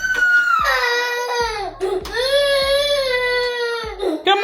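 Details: A 4-year-old boy cries and sobs in long wailing bursts with catches of breath while made to clean his room; ordinary upset crying without signs of distress.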